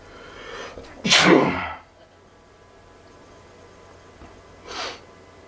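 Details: Pollen allergy sneezing: one forceful, loud sneeze with a brief intake before it, then a softer second burst.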